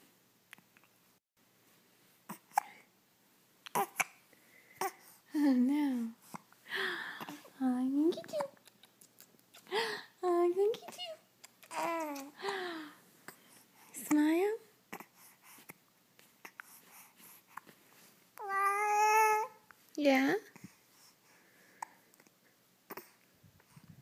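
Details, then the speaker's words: An infant's hiccups: soft coos and squeals broken by sharp, sudden hiccup clicks. "It's hard to smile when you have the hiccups."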